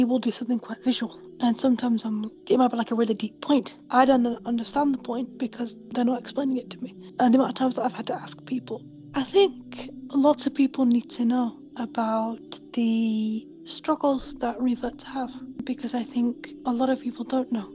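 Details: Adult woman with a stammer, mild when reciting Arabic but worse on unfamiliar new words; stammering.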